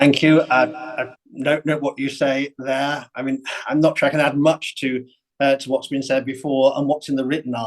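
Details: Adult male speaker; ordinary speech.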